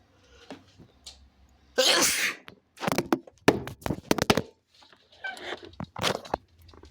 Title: sneezing on my elbow (he/they)